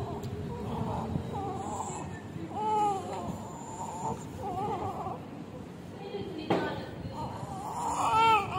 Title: 3.9kg Cutest baby boy after birth with sweet first cry #newlife #afterbirth #cutebabyboy #video